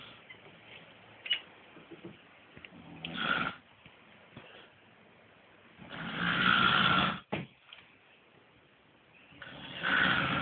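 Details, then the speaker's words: Woman snoring: very loud, rough, rattling snores on inhalation every few seconds in a quiet small room, heavy snoring. "Fucking hell, now this is loud and this is funny."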